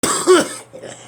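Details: Adult coughing: a single short cough burst with a brief harsh onset and a quieter tail.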